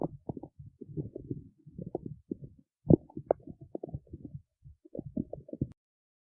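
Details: Stomach growling in the city: low gurgling rumbles and bubbly squelches in irregular bursts over several seconds; ordinary gut movement of gas and fluid (borborygmi).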